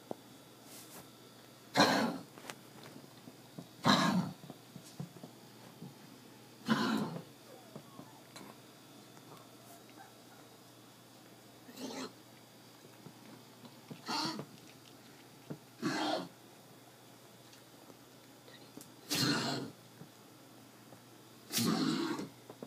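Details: A male dog on medication gives eight harsh, dry hacking coughs over about 23 seconds, typical of kennel cough.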